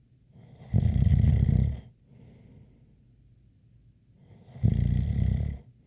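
Two deep, rumbling snores about four seconds apart, each with a faint whistle; ordinary snoring.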